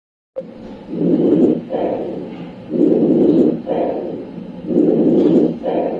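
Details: Breath sounds through a stethoscope, rhythmic rushing at about 30 breaths a minute, with no specific finding named.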